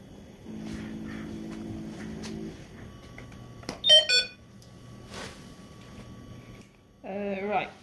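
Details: Steady low hum, then a bright rising chime and later a warbling alert tone from a Hamilton T1 transfer ventilator on a Ferno ICU transfer trolley running its start-up self-test after circuit setup.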